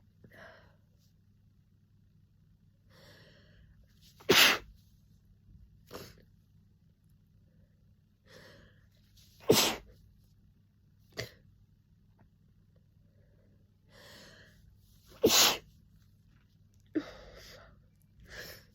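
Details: A person with a summer head cold, sneezing nonstop and messily, gives three forceful sneezes with sharp intakes and smaller sneezes between. Repeated cold sneezing.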